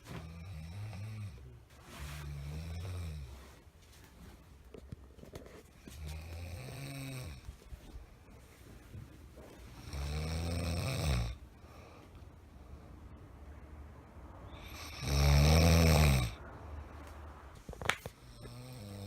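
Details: Loud, rough snoring from a sleeping adult, a junior whose snoring is described as noisy, with repeated deep rattling snores on inhaled breaths.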